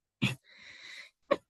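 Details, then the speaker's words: Abrupt snort-like bursts around a breathy hiss between phrases of speech from a young man with Tourette syndrome for 13 years: simple vocal tics. "This consists of uncontrollable sounds or movements and phrases which you can probably see me doing right now. Blinking, whistling, clicking on the mouth are all examples."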